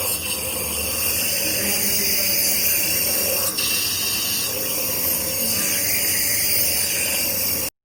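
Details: Steady, unbroken high hiss of a nebulizer running, delivering medicated mist to a baby to ease a cough.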